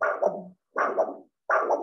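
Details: Normal brachial arterial flow heard by Doppler during a classroom demonstration of blood pressure measurement with a cuff and sphygmomanometer.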